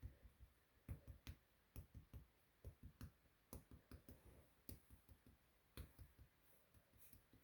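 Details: Percussion over the liver on the abdomen of a woman lying supine on a couch during a physical examination demonstration.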